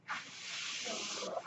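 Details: Mechanical ventilator breath cycle.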